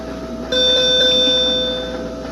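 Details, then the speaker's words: Steady electronic alarm tone starting abruptly on a ventilator just started: the display reports low pressure, a ventilator low pressure alarm. "अब ये कह रहा है कि आपका ऑटो प्रेशर लो है।"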